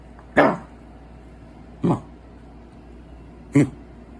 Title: coughing